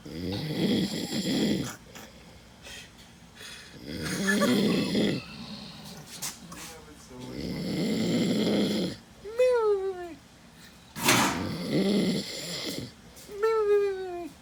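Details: Male soldier sleeping after a battle match and shoot: loud, rough snores about every four seconds, with squeaky whistle-like sounds late in the sequence; heavy snoring.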